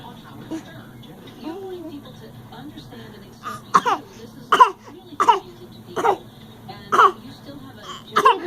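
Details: Voluntary fake cough from a child: about six short, sharp, deliberate coughs after a few quiet vocal sounds.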